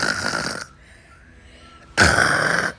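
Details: Simulated, exaggerated cartoon snoring in a comedy skit at 1 a.m.: two loud, rough snoring breaths separated by a quiet pause.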